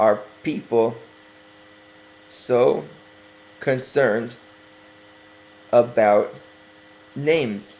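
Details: Man working on his stuttering, deliberately speaking slowly as self-correction; stuttering.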